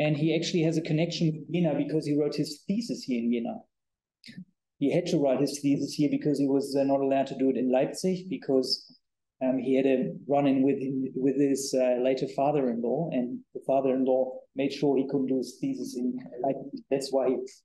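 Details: Adult male speaker; typical speech.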